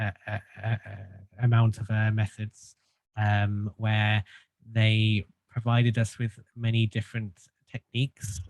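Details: Stuttering in an adult man who has stuttered since childhood and had group speech therapy.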